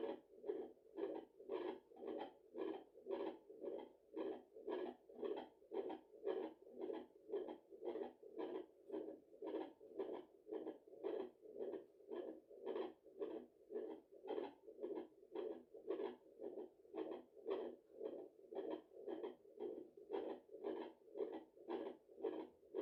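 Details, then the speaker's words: Maternal heartbeat at 34 weeks of pregnancy on a home fetal Doppler after a large meal: steady whooshing pulses at about 110 a minute, which the tired mother feels is beating a little too fast. "Okay, I think my heart was beating a little bit too fast. I don't know why, but I think it was beating a little bit. Boom, boom, boom, boom, boom. Probably because I'm so tired and I need to go and sleep."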